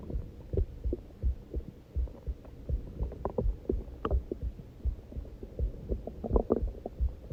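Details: Steady low heart thumps at about 80 a minute with occasional gurgling stomach growls from hunger; normal heartbeat with bowel sounds.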